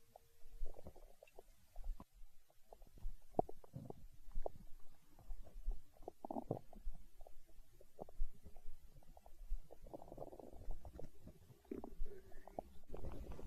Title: Stomach growl